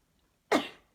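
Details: A woman's single sudden explosive sneeze that fades quickly, during a sneezing attack attributed to allergy.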